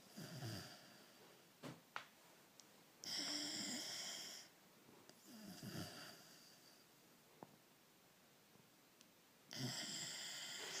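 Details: Ordinary snoring: raspy, fluttering snores on several breaths, with quiet pauses between them.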